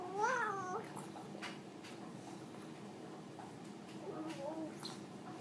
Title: Gurgles and hiccups - 15 weeks and 3 days old